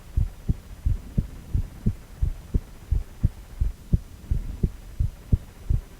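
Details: Male heart, ultrasound four-chamber view with heartbeat audio: steady, regular thumping at about 85 beats per minute with a faint machine hum.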